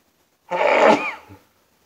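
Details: Adult man during a sneezing fit, sneezing into an old shirt: single forceful sneeze, sharp burst of air with short voiced tail; sneeze.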